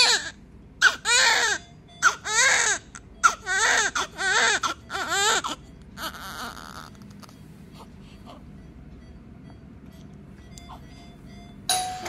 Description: Immediately crying newborn baby